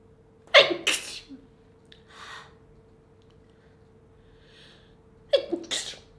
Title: Tei’s very cute sneezing 2 (Sample, 4K Quality)